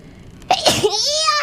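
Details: Mococo sneezing during a long live stream: a quick 'ah-choo' sneeze followed by a high, drawn-out voiced sound.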